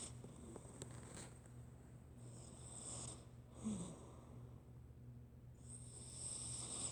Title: my cat snoring for one minute